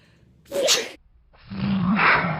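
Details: A person's single sneeze, with a sharp indrawn breath and then a loud explosive burst, as a female Boston Terrier reacts to it.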